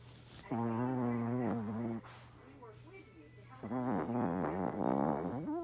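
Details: Yorkie dog sleeping soundly: loud, drawn-out, humming snorts with a buzzing, somewhat voiced quality in long breaths; very loud snoring.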